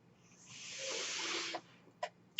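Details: Mechanical ventilator breath cycle from the podcast speaker's own ventilator, heard while the speaker talks.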